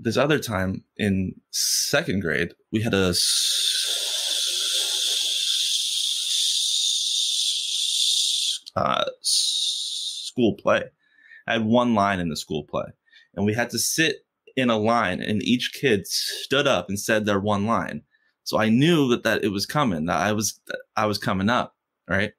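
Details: Adult man who has stuttered since first grade, stuttering most when asking for things or saying something important; stuttering.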